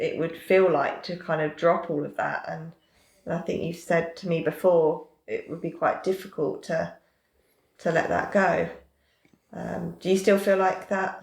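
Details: Adult woman speaking; typical speech.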